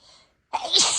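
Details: Adult, no allergies, deliberately inducing sneezes with nose sensitive after spicy food: one forceful sneeze with a loud hissing burst of air after a short pause.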